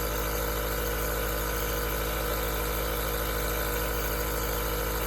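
Steady mechanical hum with a fast, even low throb, like a small motor idling; an aerosol nebulizer compressor running continuously.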